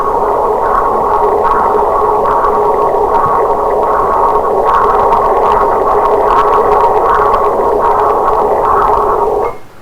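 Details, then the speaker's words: Doppler ultrasound with spectral analysis of the venous side of a patent arteriovenous fistula: continuous loud rushing whoosh with regular rhythmic pulsing surges from arterialized flow in the draining vein; turbulent venous flow in AV fistula. "If you can pay attention to the audio signal, it gives you a regular rhythmic audio signal. That is the arterialization of the flow in the vein."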